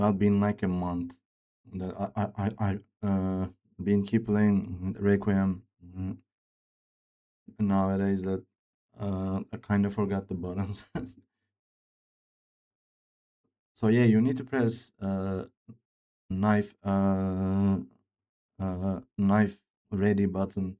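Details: Male speaker with a self-reported speech disorder, type not named, which he says sounds like Grace's but much worse; disfluent speech with repeated words, fillers and broken phrasing.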